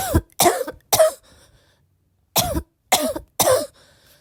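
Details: Barking cough during ongoing illness: two fits of three harsh, forceful coughs each, with a brief pause between.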